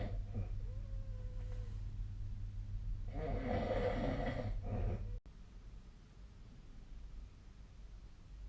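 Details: Nightly sleep snoring of an adult recorded with the SnoreLab snoring app on 2025/02/01: low rumbling snore with one louder rattling breath midway, over steady room hum.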